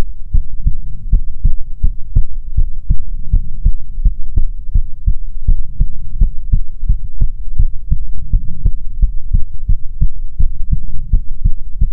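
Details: ASMR heartbeat recording, presented as soothing heartbeats from a female persona: steady, regular, strong low thumping, roughly 130 beats per minute, even throughout; normal heartbeat.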